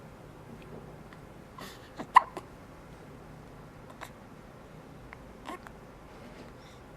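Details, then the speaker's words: Persistent hiccups, recorded 2/23/09: brief, abrupt clicking catches of breath a few seconds apart in a quiet room. "You got hiccups. You still got the hiccups."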